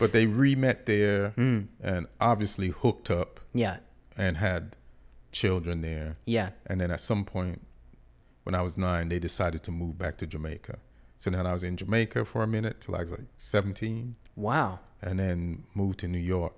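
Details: Adult man; typical speech.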